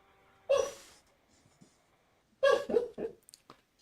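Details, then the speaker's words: Sleeping dog snoring: two rough, fluttering snorts a couple of seconds apart in a quiet room. "That sound is my dog snoring. If you can hear that sound."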